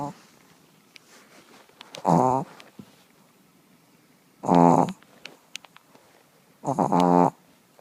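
Three loud, rattling snores spaced a few seconds apart, roughly 25 a minute, with faint room sounds between; snoring in a small dog.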